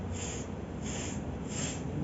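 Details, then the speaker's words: Voice imitation of a heart murmur in a veterinary cardiovascular examination lesson: three soft, rhythmic airy whooshes, over a low room hum. "el otro es que escuchemos un ruido un sonido de paso de de aire y se va a denominar sopa Entonces vamos a escuchar algo así como"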